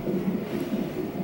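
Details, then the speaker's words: Fetal heartbeat on the Doppler monitor during labour with contractions every 2 to 3 minutes, after hospital admission: rapid, rhythmic whooshing pulses. "But we are in here, his heartbeat, you can hear it."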